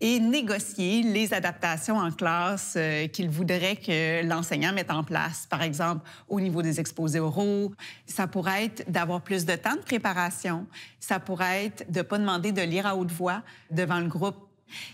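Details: Adult woman speaking French; no speech disorder.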